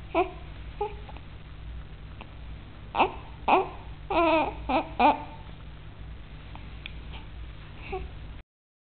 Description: premier cri bébé